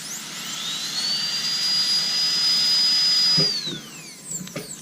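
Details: Interproximal reduction (IPR) for aligner treatment, demonstrated on a stone model with water, with the bur used to break the contact between teeth. A high-pitched whine rises to a steady shrill tone, then winds down with light scraping: a dental handpiece running.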